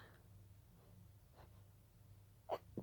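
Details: Breathy stifled sneezes during a sneezing fit that started as pollen allergy: quiet breathing, then two abrupt, muffled, breathy bursts near the end.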